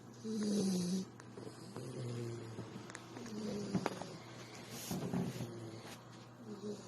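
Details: Sleeping female dog snoring while being cuddled, recorded close up: steady, low, rumbling snores with soft snorts in a quiet room; ordinary snoring.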